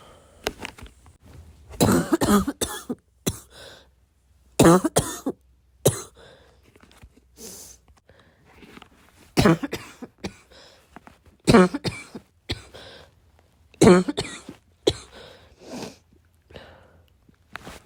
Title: this cough kept me awake last night